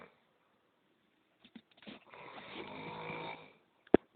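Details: Snoring during sleep: a few soft snorts, then a single drawn-out, rough, rattling breath ending with a sharp click.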